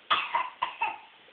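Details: Infant boy with his first cold gives a quick run of four short, moist coughs.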